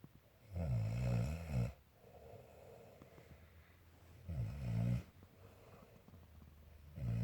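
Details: Mother snoring in sleep: two loud, low, rattling snores on the in-breath about five seconds apart, quiet breathing between; ordinary snoring.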